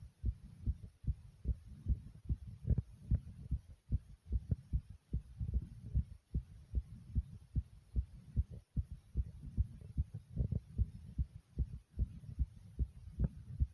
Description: Listen carefully as my heartbeat is super fast but then slows down to normal pace.